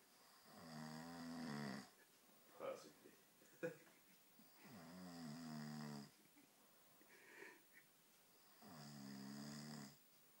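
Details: Lanky man snoring: three long, rough, vibrating breaths about four seconds apart with quiet gaps, roughly 15 breaths a minute.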